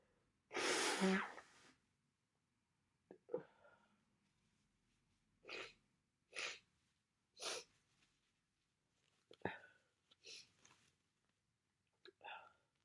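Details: Person with a bad cold and congestion, who also coughs elsewhere in the recording: one forceful sneeze, then a run of short wet sniffs and snorts through a blocked nose; sneezing and sniffling.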